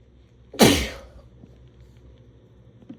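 One loud, forceful burst of air that fades quickly in a quiet room: a single strong sneeze.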